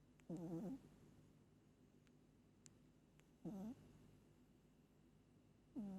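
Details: Pet cat asleep, said to snore hard every time she sleeps: short, squeaky, nasal snorts every few seconds over quiet room noise; light snoring.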